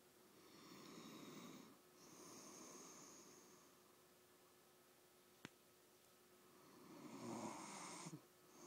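Slow, rasping breaths in and out with a rattling snore on each cycle, about three breaths across the stretch, over a steady background hum.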